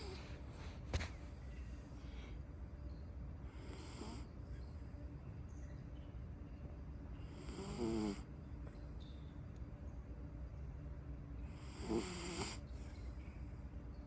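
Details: Sleeping miniature poodle with its eyes open, light snoring: soft fluttering snores about every four seconds (roughly 15 breaths a minute) over steady room hum.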